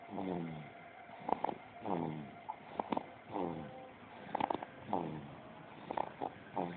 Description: 2 months old and snoring